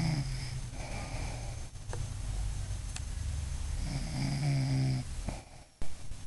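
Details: An adult woman (a mother) snoring in sleep: a loud, low, rattling rumble sustained through a long breath; heavy snoring.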